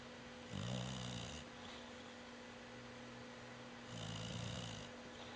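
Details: Dog Rooney snoring with eyes open: two rough, rattling snores a few seconds apart over a steady room hum.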